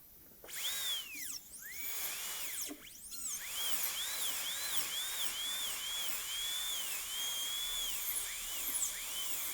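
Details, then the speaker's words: High-speed dental drill whine rising and falling as a lengthened bur cuts the functional cusp bevel toward the mesial, gold onlay preparation of tooth #18 on a typodont in a dental school simulation lab. "and we probably still have just a little bit more to do there toward the mesial and this is our functional cusp bevel"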